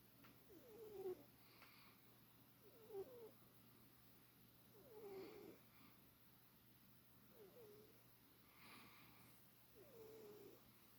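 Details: Soft, regular snoring with a faint whistle on each breath, about 30 breaths a minute, over a low steady room hum, from a sleeper before being woken; snoring.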